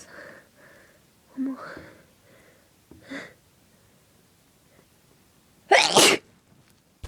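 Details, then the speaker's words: Pepper sneezes after sniffing pepper on request: soft breathy sounds and sharp catches as the nose burns and tickles, building to one loud, explosive sneeze near the end. "This pepper's making my nose all tickly. I think I'm gonna sneeze."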